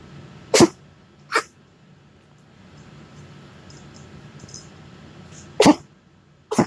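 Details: Dog coughing episode: four short, sharp coughing bursts, two early and two late, separated by quiet with faint room noise.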